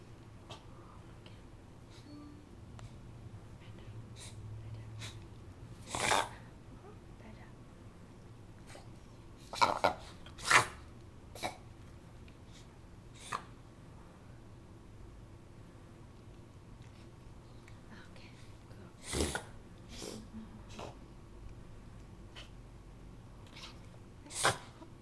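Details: Puggle dog having a reverse sneezing episode: scattered, sudden snorting bursts through the nose, while the owner comforts it and urges it to breathe through its mouth.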